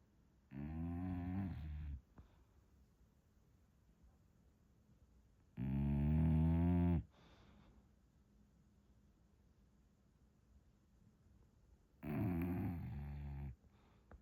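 Three deep, buzzing snores about every five to six seconds, roughly ten a minute, with quiet breathing between them in a small room.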